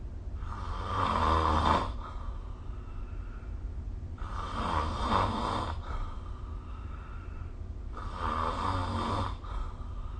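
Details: Snoring during sleep recorded with the SnoreLab phone app: three rattling snores about 4 seconds apart, roughly 15 breaths a minute, over steady low room rumble.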